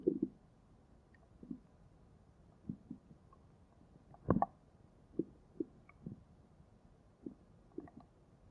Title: stomach growling 4